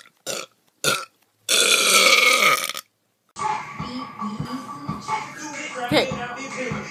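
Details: Comedy burping show: two short burp-like sounds, then a long loud belch lasting over a second, followed by music and talking; burping.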